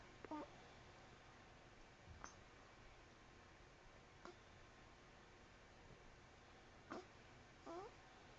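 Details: Newborn baby: about five quick, squeaky catches with brief voiced chirps over about eight seconds, over steady room noise; infant hiccups.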